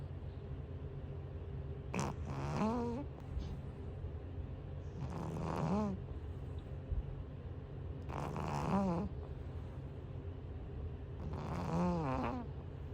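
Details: Sleeping cat snoring like a person: four rhythmic snoring breaths at about 20 per minute with a low background hum.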